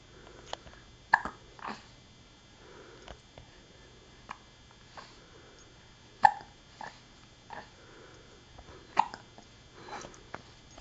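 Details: Baby with hiccups: brief, sharp catching sounds recurring about four times in ten seconds amid quiet room noise.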